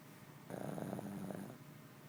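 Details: Sleeping shih tzu: a single rough, fluttering snore on an in-breath, about one second long, against quiet room noise; snoring.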